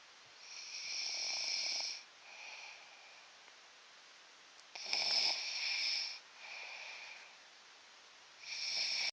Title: I snore hella loud! Wth